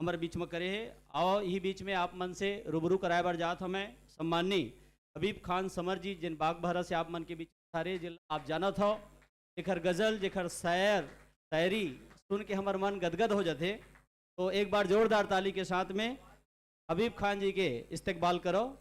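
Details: Adult speaker; normal voice.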